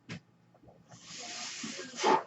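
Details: Podcaster's own mechanical ventilator heard while he speaks: a brief puff, then a steady rising airy hiss swelling into a louder rush as it delivers a breath.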